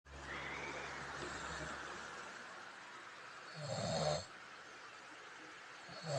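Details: Snoring that disturbs a bed partner: a low rumbling inhaled snore, then a quieter stretch and a louder, rougher snort near the end.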